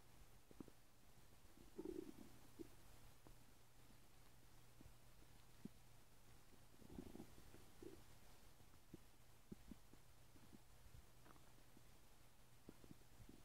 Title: 5 minutes of my stomach making noises